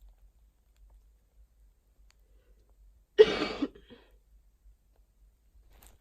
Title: summer cold coughing